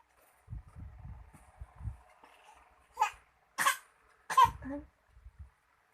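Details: Infant about 5 months old performing an acted, exaggerated voluntary (fake) cough: soft babble, then three short deliberate cough-like bursts, not from illness.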